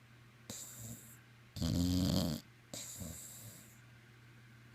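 Three rough, rattling breath sounds during sleep, the middle one loudest and deepest, with quiet pauses between: snoring.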